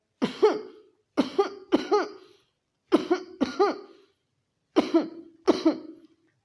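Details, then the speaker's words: Imitated closed-mouth cough triggered by a throat tickling sensation, demonstrated by a homoeopathic doctor: short, muffled coughs in small clusters: closed-mouth tickling cough. "जो Romex homeopathic medicine है उसकी खांसी एक विशेष प्रकार की होती है। इसमें पेशेंट जो है मुंह बंद करके खांसेगा, ऐसे"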